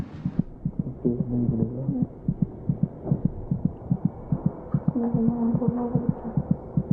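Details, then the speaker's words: Fetal heartbeat in the third trimester, heard by putting an ear to the mother's abdomen, about twice the mother's rate: rapid, regular soft thumps with a low hum and faint tones behind. "now it's possible to hear the fetal heartbeat just by putting an ear to the mother's abdomen is she kicking it's quite out the baby's heart beats about twice as fast as her mother's"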